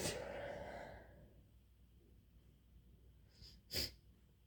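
One loud explosive sneeze burst at the start, then quiet room with a brief sharp sniff or snort near the end.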